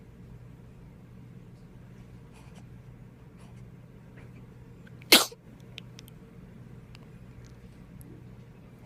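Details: A newborn boy's first sneeze while his father holds him for the first time: one sharp, high-pitched burst against a quiet room hum, then a faint small sound, an ordinary infant sneeze.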